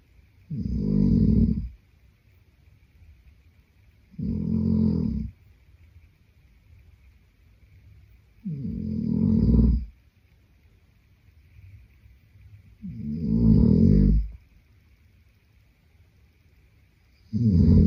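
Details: Boyfriend snoring in sleep: loud, rough snores on each in-breath, about every four seconds (roughly 14 a minute), with quiet out-breaths between them.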